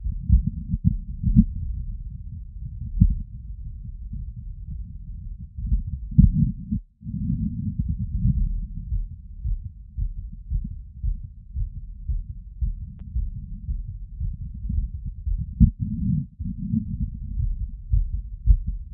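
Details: Heartbeat after a 3 km run at about 150 bpm, recorded with a wireless stethoscope using membrane and funnel in all frequency modes. Valve areas and Botkin-Erb's point were covered, standing in a light tilt. Fast, regular thumps: exercise sinus tachycardia.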